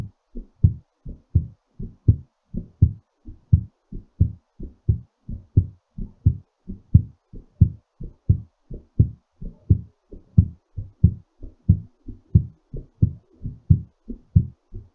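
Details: Regular, crisp lub-dub beats at roughly 90 per minute: a normal heartbeat recovering after exercise.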